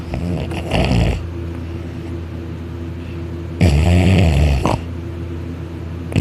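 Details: Child napping on his back on a couch, arm over head, mouth open, drooling: two loud, rough, rattling snores on breathing in with quieter breathing between.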